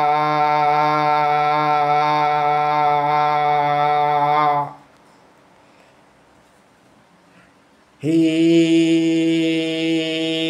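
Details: Man with a high-pitched voice since childhood, after voice therapy, producing vowels, 'om' and repeated 'ka-ta-pa' syllables; normal male voice pitch after puberphonia therapy.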